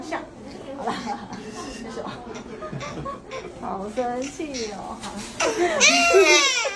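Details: Newborn's loud, high-pitched pain cry bursting out after adult voices, following an intramuscular vaccination injection in the hip/leg soon after birth; knee held during injection.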